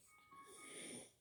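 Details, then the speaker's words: Inspiratory stridor from congenital laryngomalacia in a one-year-old boy: a single harsh, high-pitched, snore-like noisy breath from the windpipe or throat, which has recently grown louder and is being investigated at hospital. "If you guys can hear a noise when I have my son, you guys can hear kind of like if he's snoring, but it's a sound that his windpipe or his throat is making. So they want to know where it's coming from because they got a little louder."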